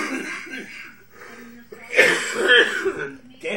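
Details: Adult gives one or two sharp, forced coughs amid indistinct speech: a deliberate, voluntary cough.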